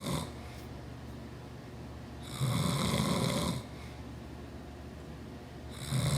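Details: Adult male (father) snoring: low rattling snores on inspiration, one long snore between quieter breaths in a small room.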